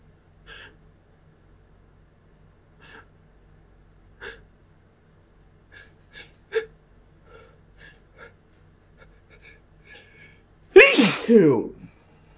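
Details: Sneezing: repeated short catching inhalations build up over several seconds, then one loud explosive sneeze with a trailing second burst; the sneezes felt much bigger than usual for this person.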